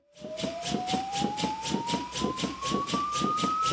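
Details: Rising charging tone with steady pulsing beat: corpuls3T defibrillator loading before a manual shock in a simulated resuscitation, after CPR with a synchronised corpuls cpr device was paused and a shockable rhythm identified.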